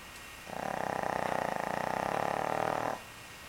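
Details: One drawn-out, buzzing, rattling snore lasting about two and a half seconds from a sleeping person, with quiet before and after; snoring.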